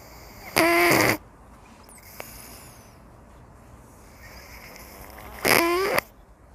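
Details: A sleeping cat gives two loud, buzzing snores about five seconds apart during a leisurely daytime nap, with quiet room noise between.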